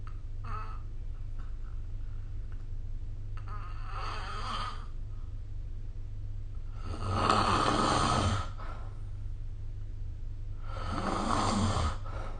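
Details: Snoring during sleep recorded with the SnoreLab app: rough, rattling snores on the in-breath roughly every four seconds, growing louder, over a steady low room hum.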